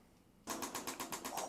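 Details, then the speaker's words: Steady, sharp, regular tapping pulses, about eight per second, from a shockwave therapy device treating a fitness instructor's left shoulder pain (over two months, pinching when lifting overhead), more intense than expected; shockwave therapy device pulses. "wow that is way more intense than I was expecting for Shockwave therapy"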